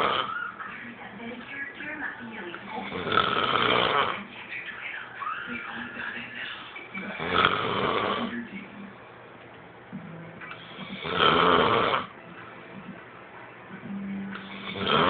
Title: Snoring... Hahaha